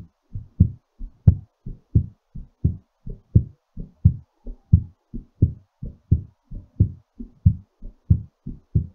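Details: Strong, regular heartbeat at about 88 per minute during recovery after exercise; normal heartbeat.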